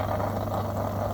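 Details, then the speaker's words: Steady low motor hum with rushing, gurgling draw as a Medpro suction machine pulls water through its tubing to clean it after suctioning, demonstration; suction machine running. "so I can turn on the machine and suck water in to this tube to clean the"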